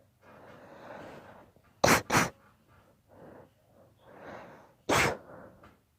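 Three sharp sneezes, two in quick succession, with sniffing and breathing between, a rapid sneezing fit from allergy.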